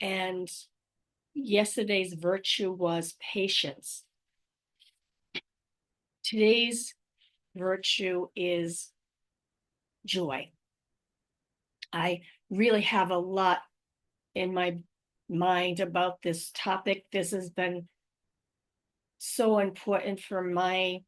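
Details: Adult woman with aphasia, apraxia of speech and dysarthria after a stroke in May 2019, speaking about her own condition; real post-stroke aphasia with apraxia of speech and dysarthria.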